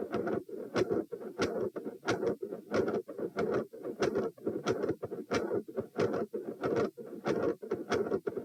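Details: Heart recorded at position P while moving from supine to standing, rate 78–102 bpm. Regular sounds with a rough mid-systolic murmur filling the gap after each first sound, changing with posture; a brief continuous murmur and an S2 murmur are also noted.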